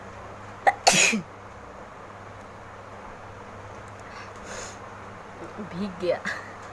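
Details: One sharp, explosive sneeze, followed by faint sniffing and movement sounds in a quiet room, from a woman doing a deliberate sneezing challenge with handkerchief blowing, who says she is sneezing a lot.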